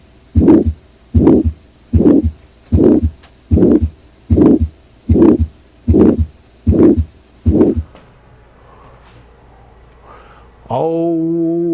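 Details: Regular harsh whooshing bursts about 76 a minute, each swelling then fading, ending in a brief tone: crescendo-decrescendo systolic murmur of aortic stenosis.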